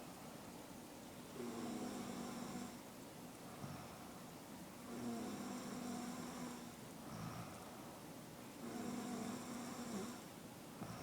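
Slow, long droning snores about 17 a minute, each a buzzing rasp lasting over a second, over steady background hiss.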